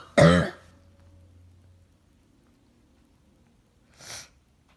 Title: Barking cough